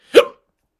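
A single short, abrupt vocal catch from an adult, a typical hiccup.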